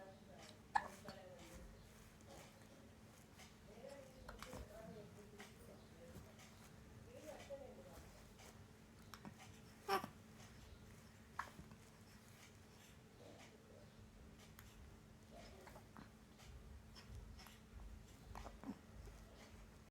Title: Baby boy and his Hiccups😍🤩